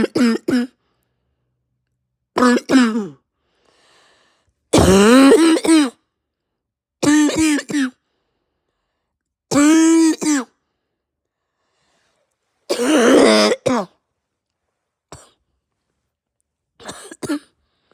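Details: Adult with pounding head, raw sore throat, heavy chest and stuffed nose gives repeated harsh, hoarse, barking, hacking coughs separated by quiet pauses, hard enough to nearly vomit; barking cough.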